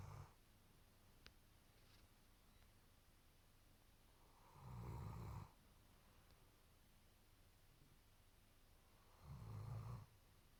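Low rumbling snores about every five seconds, roughly 12 a minute, with quiet breathing in between; ordinary snoring.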